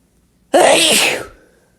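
One loud, explosive, wet sneeze with a quick burst of air that trails off; a single sneeze.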